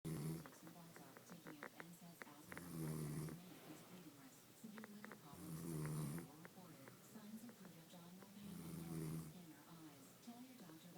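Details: Loud, rough snoring from a sleeping woman, recurring about every three seconds (roughly 20 a minute), with faint clicking and room noise between snores.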